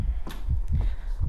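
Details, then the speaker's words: Muffled low thumps with rustling of a dog's normal heartbeat, heard with an ear pressed close to the chest near the elbow, for comparison with heart murmurs. "es es el sonido natural de un corazón en la noche"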